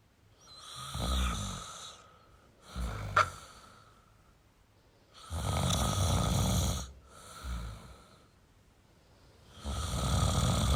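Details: Male snoring: irregular rough snores, some long and some short, about 14 breaths a minute, over faint room hiss.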